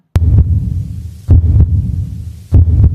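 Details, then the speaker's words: Normal lub-dub heart sounds, loud and low at about 50 beats a minute, demonstrated while teaching the cardiac cycle: the first sound (lub) is followed by the second sound (dub), which comes from semilunar valve closure. Normal S1 and S2. "So what did we hear now? We heard love and we heard dub. What is that? Loved dub."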